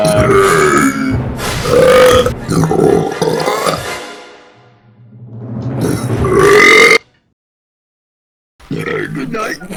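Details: Compilation of a friend's burping clips recorded over several months: long, loud, drawn-out voiced belches that fade gradually over background music; burp.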